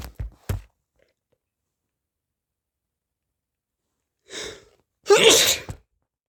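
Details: Short bursts, then a gasping intake and a forceful sneeze; repeated sneezing attributed to hay fever (allergic rhinitis).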